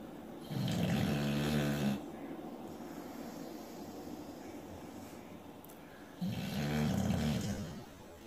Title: Snoring dog Stellah the Boxer